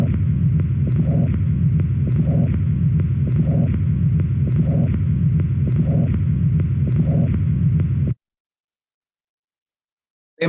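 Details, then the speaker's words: Mitral regurgitation: harsh, blowing holosystolic murmur at about 50 beats a minute, heard over the mitral area and radiating to the axilla, with a diminished first heart sound. "ما احنا سمعنا هارش بلوينج سيستوليك ميرمر هيبقى مسموع على الميترال اريا وهيبقى بروباجيتد لغايه الاجزيلا بنفس الكاركتر بتاعته. هو ده بتاع الميترال ريجيرش."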